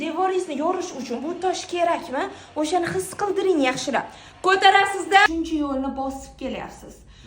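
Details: Adult woman speaking; ordinary fluent speech.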